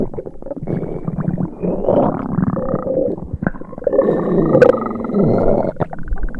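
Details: Simulated stereo sound effect of an upset stomach: low, gurgling, churning rumbles with rising and falling growls. Stomach rumbling.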